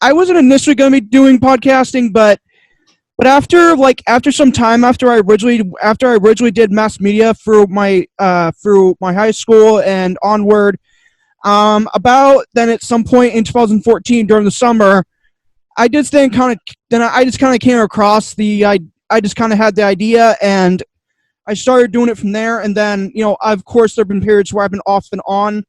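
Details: Stuttering in an adult man with two diagnoses, including autism; he says he stutters a lot, especially when unsure what he wants to say.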